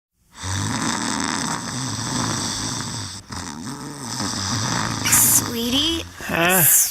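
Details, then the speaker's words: Loud, rough, rattling snoring from an adult, then a brief woman's voice, in an advertisement for a sleep apnea and snoring seminar at a TMJ and sleep therapy clinic. "all right you're snoring again okay I'll go sleep on the couch is your snoring sending you to the sofa"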